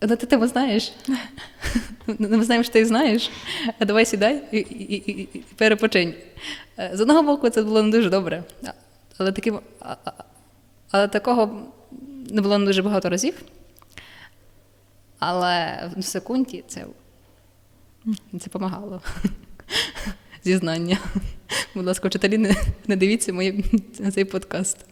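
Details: Adult woman who stutters, stuttering worse when nervous, with blocks and filler sounds; stuttering.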